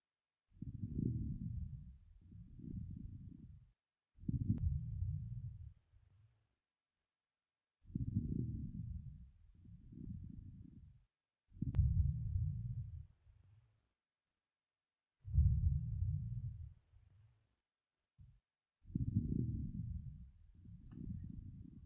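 Simulated lung sounds with low-pitched bubbling crackles during breathing, about 16 breaths a minute: coarse crackles over the right middle and lower lung fields.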